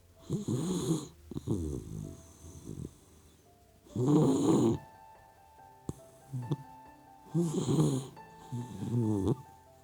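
Soft snoring bursts from a sleeping puppy, about 18 a minute, uneven, with background music.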